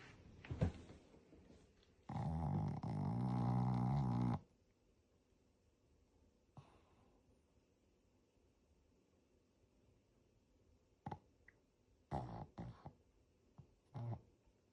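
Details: Sleeping Shih Tzu, a flat-faced breed: loud, low, rattling snore with a few brief snorts around it.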